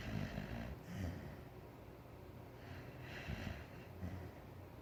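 Soft, low snuffling snores and small snorts from a sleeping dog, over steady background hum.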